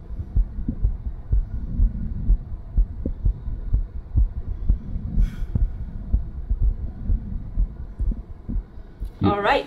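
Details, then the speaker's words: Woman with diastolic dysfunction and a heart murmur, listened to after gentle exercise (jogging on the spot): fast heartbeat near 125/min; the whooshing murmur is much more noticeable and blurs the distinct heart sounds. "so it sounds it actually sounded quite different because you actually noticed the murmur a lot more so rather than listening to the actual definite Bom Bom Bom you hear a lot more of the murmur"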